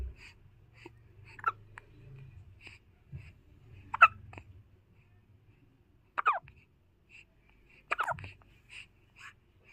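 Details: Young child with hiccups: about four sharp, abrupt hiccup sounds roughly every two seconds in a quiet room; repeated hiccups.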